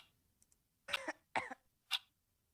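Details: Mysterious cough heard unnoticed in background of a VTuber livestream, unclear whose; plain cough.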